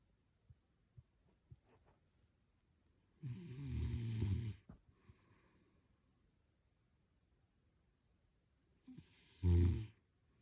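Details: Low, rattling snore on an in-breath, quiet breathing, then a second shorter loud snore: snoring during sleep.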